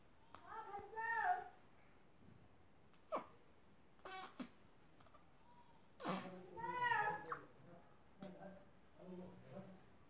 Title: Cutest baby having hiccups 😘😘